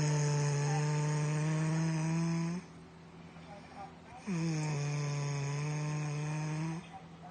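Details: Two long, loud, buzzing snores with a steady low droning tone, each over two seconds, separated by a quiet breath out; snoring.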